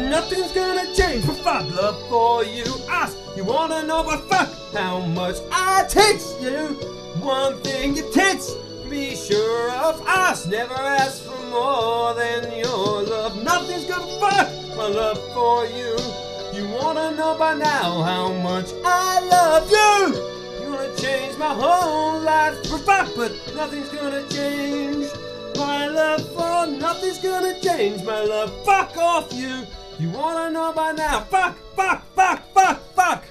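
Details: Singer with Tourette syndrome singing karaoke; involuntary obscene words and shouts interrupt the lyrics; vocal tics with coprolalia.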